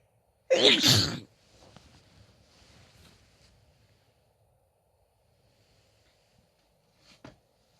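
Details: Female sneeze: one forceful, explosive sneeze, then quiet breathing and a small sniff.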